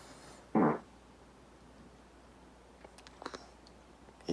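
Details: A single short, low, rumbling fart from a sleeping adult husband, passed without context in a quiet room, while his wife tries to wake him; flatulence.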